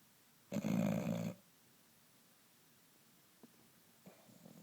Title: Loudest bulldog snoring ever!